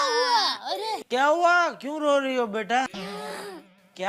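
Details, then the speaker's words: Acted crying in a TV comedy scene: an adult woman, the daughter-in-law, gives a loud, wavering wail and sobs while someone tries to wake Dabbu's father. "अरे अरे उठिए डब्बू के पापा ये बहू रो रही है।"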